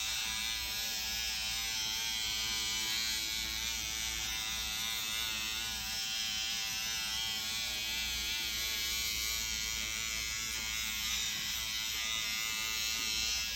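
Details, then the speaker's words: Motorized SkinPen microneedling pen with PRP set to 1 mm depth, steady high-pitched buzz with fast fluttering pulse while tightening the skin along the neck and supraclavicular area; microneedling pen in operation. "So you can see what Autumn's doing here, and it's setting 1 millimeter. She's tightening the skin along my neck."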